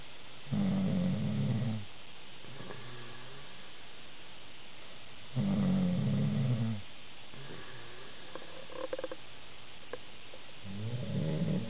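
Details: Loud, low, rattling snores, each over a second long, about every five seconds with quiet pauses: an adult man's heavy, loud snoring.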